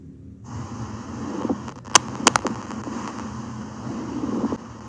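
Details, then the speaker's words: Teaching example of lung auscultation: pleural friction rub, harsh grating creaks over steady breath noise from pleural surfaces rubbing together. "Este se da por el roce de las superficies pleurales."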